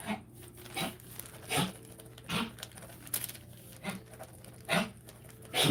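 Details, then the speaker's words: Dog with kennel cough gives a run of short, harsh hacking coughs. "noise you're hearing that's my dog coughing up because he's got kill cough so i apologize ahead of time"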